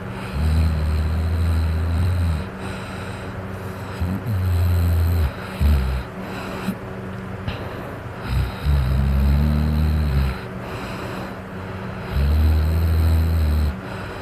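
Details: Person snoring loudly while asleep after drinking alcohol, fan running in the background: deep, low, rumbling snores recurring every few seconds under a steady hum; loud snoring.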